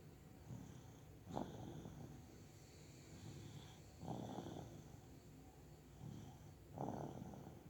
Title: Snoring ZzzzzZzzzz just like his Pepe!!!!!